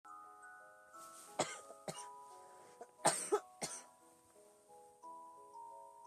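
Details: Girl with asthma: four to five harsh, dry coughs in two short bursts over soft music; asthmatic cough.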